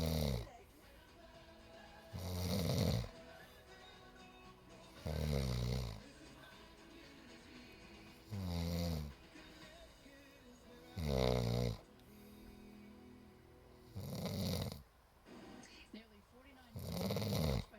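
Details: Male sleeper snoring heavily again: loud, rough snores on each breath in, about 20 a minute, with quiet gaps between them.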